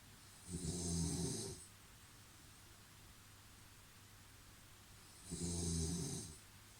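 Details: Ordinary snoring: two deep, rumbling snores about five seconds apart against steady room hum.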